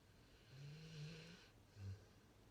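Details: Pitbull deeply asleep, snoring while cereal is stacked on his head: two soft, low rumbling snores, the first longer, against faint background hiss.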